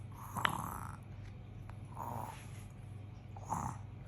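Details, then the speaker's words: Young girl, awake, asked to show how she snores: three short, breathy snorting sounds; playfully imitated snoring. "ഉറങ്ങു കൂക്ക വലിക്കുമോ അങ്ങനെ കൂക്ക വലിക്കുക എങ്ങനെ കൂർക്കം വലിക്കുക"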